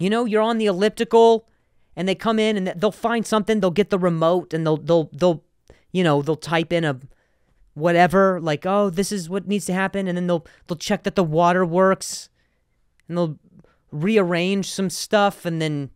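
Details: Stuttering in an adult male comedian who has stuttered for a long time and still sometimes does; repetitions of words and phrases heard.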